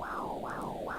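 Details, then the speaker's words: Home midwife appointment, pregnant woman: rhythmic whooshing Doppler pulses of blood flowing from the placenta through the umbilical cord to the fetus; normal umbilical cord Doppler flow. "that's the sound of the blood flowing from My Placenta down through the umbilical cord into our baby it's supplying the fetus with oxygenated and nutrient-rich blood"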